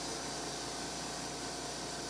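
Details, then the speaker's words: Steady whirring hiss of a slow-speed dental handpiece during coronal polishing of a 3-year-old girl's tooth at her first pediatric dental cleaning, cheek lifted. "This is gonna spin around a little bit. And I'm just gonna touch your little tooth,"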